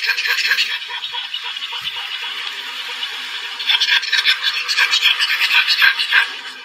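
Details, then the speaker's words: Stertorous upper airway noise from a small pug after a 3-minute exercise test, assessing brachycephalic obstructive airway syndrome (BOAS): rapid, harsh, rattling breaths typical of upper airway obstruction. "It can be tricky because owners don't always recognize when their dogs are not recovering properly. So this is a little pug who's done a 3-minute exercise test."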